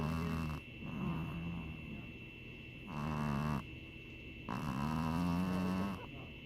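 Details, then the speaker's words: Snoring in a sleeping pet dog, possibly dreaming: deep, grumbling, almost growl-like breathing in long rising and falling stretches over a steady electrical whine. "Oh my gosh. He sounds like he's growling almost. He's dreaming."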